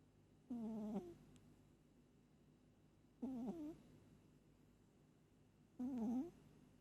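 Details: Pet cat snoring hard while asleep, as she does every night: three half-second, wavering, nasal snores at about 23 a minute over a low background hum.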